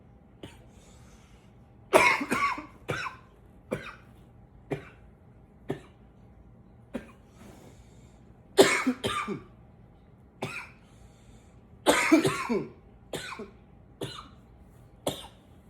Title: 9 - coughing a bit